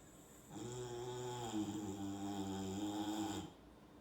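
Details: Boxer puppy napping on her father, giving one long, steady, whistling, buzzing snore of about three seconds; snoring.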